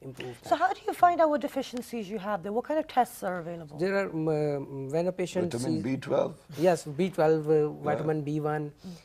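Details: Adults in conversation, likely two speakers; normal speech.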